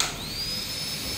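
A steady high-pitched whine rising and holding in pitch, with a hiss underneath; a dental drill running.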